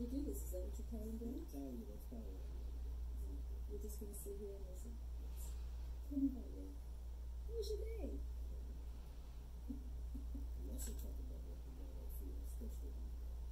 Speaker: Okay, so here we go with the demonstration or simulation of what it's like to hear two average talkers through a cookie bite hearing loss.